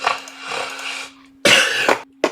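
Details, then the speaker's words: Adult singer recovering from illness with mucus in the body clears the throat in a few harsh, rough bursts; coughs already audible: throat clearing. "So, see you can hear the coughs already."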